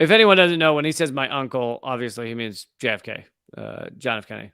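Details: Adult man speaking; ordinary speech.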